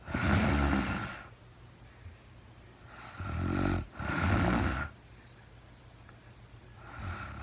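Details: Real-time recording of a woman sleeping, very tired, no talking: rough, rattling snores on breathing in, with quieter pauses between breaths over a steady background hiss; snoring.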